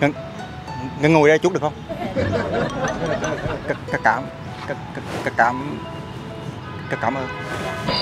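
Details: Young man in a prank putting on a stutter while approaching a flight attendant; the stutter later disappears: stuttering (acted).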